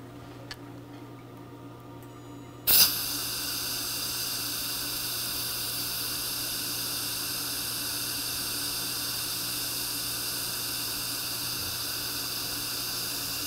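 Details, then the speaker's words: Diode dental laser at low, then raised energy (1.5) outlining an ovate pontic site on the ridge of a missing maxillary right canine; a click, then a steady high hiss of suction running continuously while the laser cuts soft gum tissue. "okay so what i'm doing here is outlining the ponic itself"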